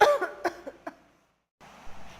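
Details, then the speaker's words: A few short imitated cough bursts, then quiet room noise; a demonstration cough in an English-language lesson. "Jadi kalau kita batuk, we can say cough. Cough. I'm coughing."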